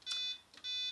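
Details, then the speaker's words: AED (series plus) metronome during adult CPR training on a manikin: two short high electronic tones pacing chest compressions at a rate of 100 to 120 per minute. "so your rate should be 100 to 120 but can you hear the metronome in the background if you squeeze to that you'll keep it right"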